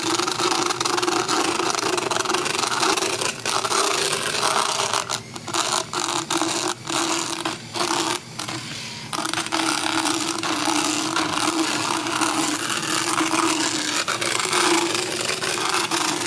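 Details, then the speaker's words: Horse about 10–12 years old, equine dental power float filing the lingual hook on the last molar during routine dental work: steady scraping, grinding buzz with brief pauses between passes. "And right now I'm currently working on that lingual, that inside hook on the very last molar."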